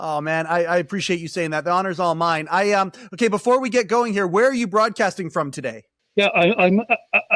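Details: Adult male speaker; normal speech.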